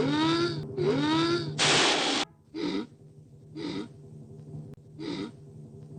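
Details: Dolores's endlessly building sneeze, a proof of concept: repeated voiced, catching inhalations and a hissing rush of air, a sneeze building but not yet released; steady background hum.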